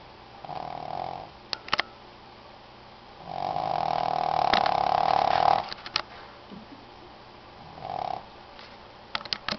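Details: Shih Tzu snoring loudly during sleep, with whistling nasal snores on the breaths, one long and louder, and a few soft clicks between.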